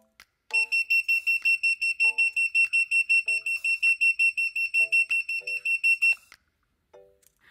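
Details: Handheld home-use blue picosecond laser pen held 4–5 cm from facial skin and passed under the jaw and chin: rapid, evenly repeated high beeps, about 160 a minute, for about six seconds, over soft music; laser pen pulse beeps.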